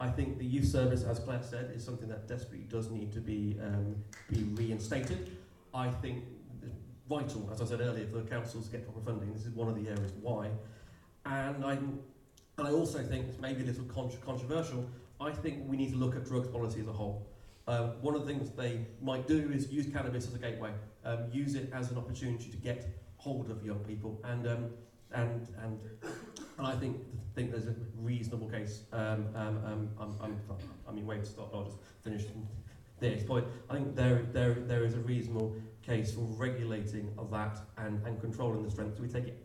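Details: Stammer (stuttering) in an adult man who describes himself as openly disabled and says his stammer can be heard, speaking at an election hustings.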